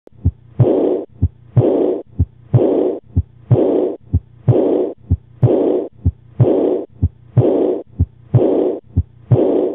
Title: Aortic Insufficiency Sound (Abnormal) 🩺🧑🏻‍⚕️